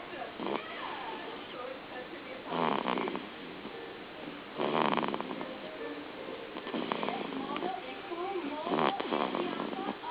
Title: snoring baby